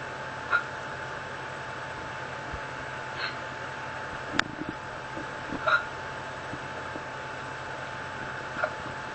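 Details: Hiccups at night after eating many spicy foods at dinner: brief sharp catches every few seconds, five or six in nine seconds, against steady fan noise, in a poor-quality recording.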